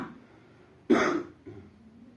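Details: Cough during a cough and cold illness: a single short, harsh cough followed by a softer throaty sound.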